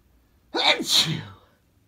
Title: Hot sneezes (male)